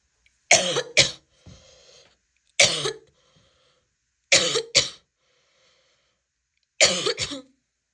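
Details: Four bouts of harsh, abrupt coughing from an adult woman, about seven coughs, mostly in pairs, with a brief wheezy after-sound; barking cough.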